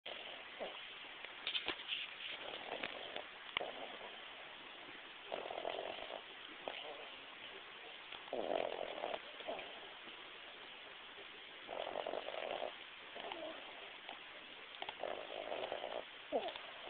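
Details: Soft, irregular snuffling snores recurring against a steady background hiss: light snoring during sleep.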